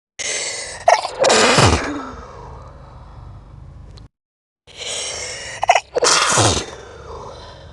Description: This is a slowed down version of my most recent video 20 Sneezes video.